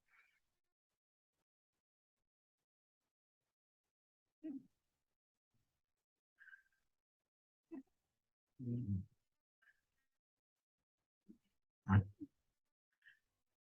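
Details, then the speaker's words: Faint, irregular snorts from a sleeping young boy, mouth-breathing, broken by silent pauses where he stops breathing then arouses to breathe, snoring with obstructive sleep apnoea. "okay now you can hear the child is snoring"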